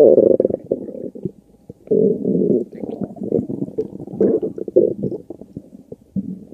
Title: Stomach Growling